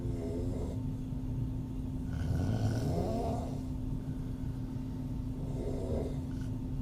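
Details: Soft, irregular open-mouth snoring breaths from a sleeping woman, over a steady background hum; mild snoring, audio only.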